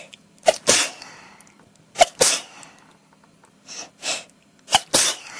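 A rapid run of repeated sneezes, each with a sharp intake and forceful burst, about six or seven in five seconds; a sneezing fit.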